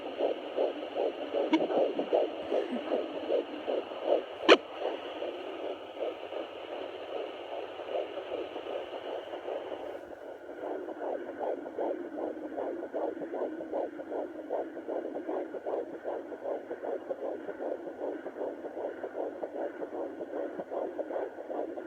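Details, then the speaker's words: Fetal heartbeat at 13 weeks of pregnancy on a Sonoline B home Doppler held still: rapid, even whooshing pulses about 150 a minute, with fetal movement sounds, then the heartbeat fades as the baby moves. "That's her heartbeat. That's her moving around. And she just moved, which is why the heartbeat went away."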